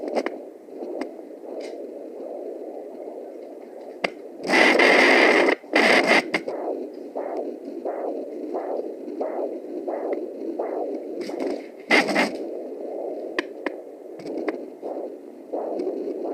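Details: Possible placental sound on a fetal Doppler, uncertain: soft, rushing, windy whooshes pulse quickly and rhythmically through static, with loud scraping from probe movement.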